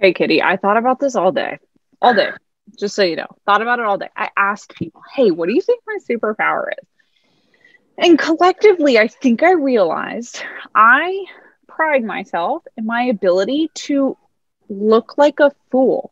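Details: Adult woman speaking; ordinary speech.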